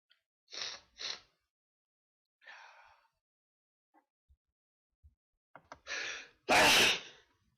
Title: Sneezes